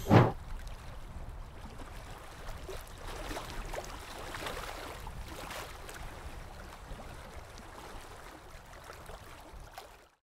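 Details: Steady hiss and gurgle of water spray and suction with a faint instrument whine, from ultrasonic scaling to remove tartar during a dental cleaning.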